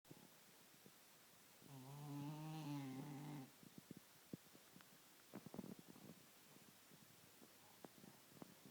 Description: Loudest Cat Snore Ever!